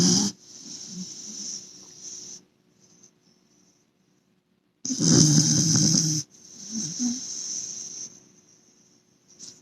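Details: English Cocker Spaniel snoring while asleep on a sofa: loud, harsh, rattling snores in bursts with quiet pauses, over a steady high background hiss.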